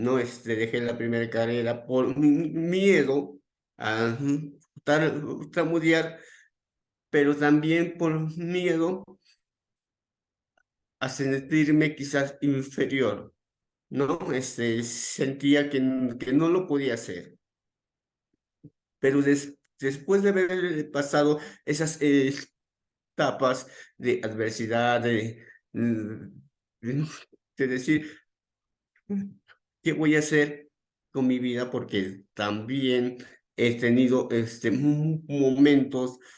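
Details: Adult male psychologist who stutters, with onset around age 7 that became more noticeable around age 11, describing his stuttering as uncontrolled on the day of this talk; repetitions are heard; stuttering.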